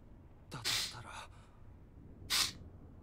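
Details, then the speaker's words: A single sneeze from an adult woman during a live game stream: a brief voiced catch, then a sharp hissing burst, followed by a short breathy exhale. "Sorry. That sneeze really took it out of me."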